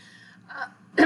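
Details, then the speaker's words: A woman with dystonia, on day 4 of a Neupro patch, sneezing after being outside near fresh-cut grass: sneeze. "he decided to cut the grass and then of course I walked outside me and fresh-cut grass do not get along so I've been sneezing and carrying on and"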